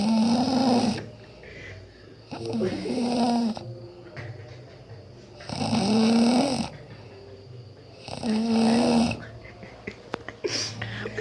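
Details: Loud rattling, buzzing snores on each inhalation, about 20 per minute, with quiet exhalations between; a person snoring during sleep, in a humorous clip.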